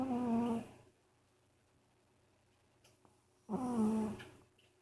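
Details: Cat Rumi, not sick and regularly seen by a vet, sleeping; two loud, tonal, whistling snores in a quiet room, snoring due to structural issues with his nose.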